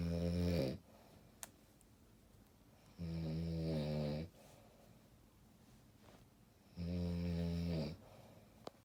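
Deep, buzzing snores with quiet breathing out between them, about 17 a minute; snoring.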